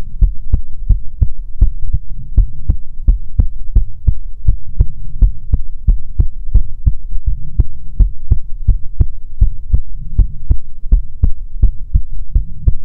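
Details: Heartbeat recording for ASMR: steady, regular low thumps with a faint hum behind, even rhythm throughout.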